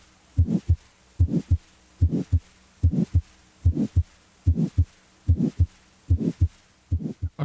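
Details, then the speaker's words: A regular heartbeat near 73 a minute with a decrescendo murmur that starts loud and grows softer after each first heart sound. "the shape of a murmur is determined by its intensity over time a crescendo murmur grows louder a decrescendo murmur Rose softer"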